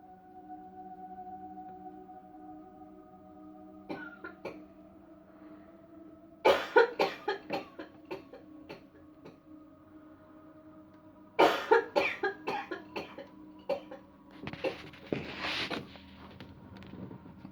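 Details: Cough during a no-touch, no-pressure-point cleansing-healing coughing technique demonstration: two runs of rapid repeated coughs, then a throat-clearing cough, over a soft ringing tone like a singing bowl; the person feels more coughs coming.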